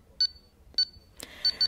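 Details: Pulse oximeter pulse beeps with the sensor on a finger, during a preventive maintenance check of the oximeter's readings.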